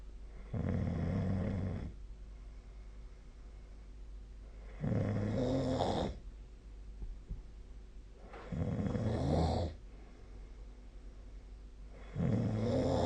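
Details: Sleep snoring recorded with a snoring-tracking app: regular low rumbling snores on each in-breath, about 17 breaths a minute, with quiet pauses between.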